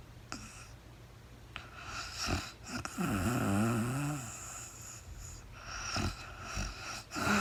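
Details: Real-time overnight recording of a woman sleeping, part of a four-hour recording, no talking: rough, rattling inhaled snore with a throaty buzz over steady room noise; snoring during sleep.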